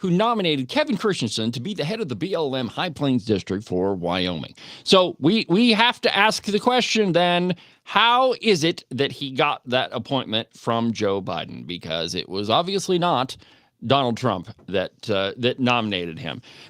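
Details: Adult male speaker; normal speech.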